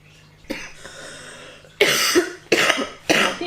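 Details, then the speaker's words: Coughing in a person with asthma, without COVID-19, triggered into an asthma coughing bout: a quiet throat noise, then three harsh coughs in quick succession. "i didn't have kobe but i am coughing and then it triggered my asthma so i was coughing a lot exactly just like that"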